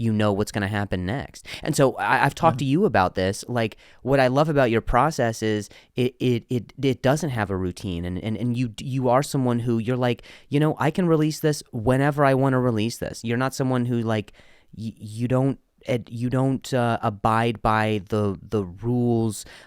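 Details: Adult comedian and podcast host who stutters, speaking in conversation; stuttering.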